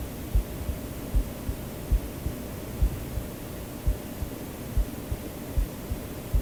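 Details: The recorder's own heartbeat, used as a sleep aid: soft, regular low thumps at about 77 a minute beneath a steady hiss of white noise; a normal adult heartbeat.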